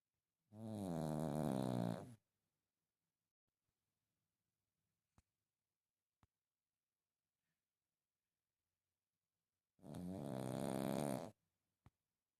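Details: Sleeping pug: two long, loud rattling snores about eight seconds apart, with quiet pauses and faint clicks between them; snoring in a flat-faced dog.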